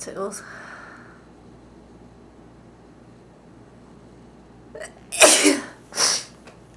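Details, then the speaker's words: Person deliberately inducing a sneeze while trying to keep eyes open: quiet lead-in breath, then a loud explosive sneeze followed by a second smaller one; sneezing. "I had a lot of requests that wanted me to um see if I can make myself sneeze and keep my eyes open I'm not sure that I can do that but I'm going to try so here it goes oh tickles"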